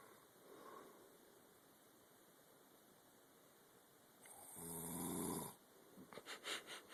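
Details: Father snoring, recorded on an Android phone: a quiet room, then one loud rough, rattling inhaled snore followed by softer breathing noises; ordinary snoring in sleep.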